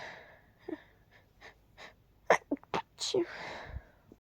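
Several soft, stifled sneezes with quick intakes of breath, held back and quiet.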